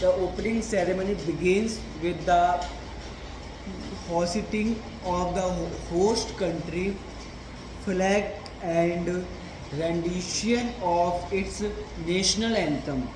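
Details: Male reading a passage aloud as daily stammering practice, with a word repetition: stuttering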